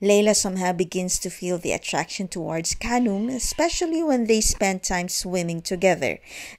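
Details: Adult woman narrating; normal fluent speech.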